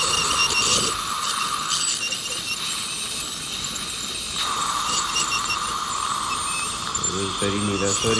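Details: Professional teeth cleaning by scaling: continuous high-pitched hissing whine with water spray from an ultrasonic scaler removing plaque, calculus, tartar and stains, with brief faint voices near the end.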